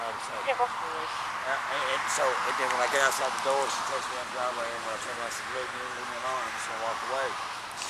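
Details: Real adult man, a singer, whose voice has not returned since he was punched in the throat 3 weeks earlier; he can no longer sing, and a cut to his throat is also mentioned; dysphonia after throat trauma.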